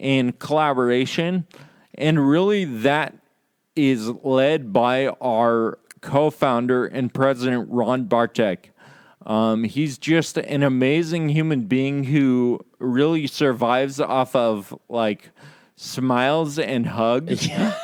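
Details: Adult podcast host with Friedreich's ataxia, which causes loss of muscle control in the legs and arms, impaired balance and slurred speech; ataxic dysarthria (Friedreich's ataxia)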